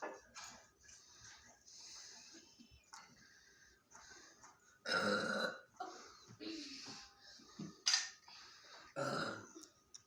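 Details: Friends deliberately burping after drinking Mountain Dew soda: several loud, drawn-out voluntary burps with laughter and talk between them; burping.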